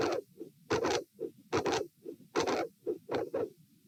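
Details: Dilated aortic root recorded at position A while lying, sitting and standing: heart sounds at about 73 a minute with a very loud mid-to-late systolic aortic vascular click and a murmur at the second sound.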